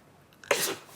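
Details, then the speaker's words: A short in-breath, then one sharp, explosive sneeze that fades quickly; a single acted sneeze from a TV drama character with a cold. "you allergic to handsome men? Stupid cold."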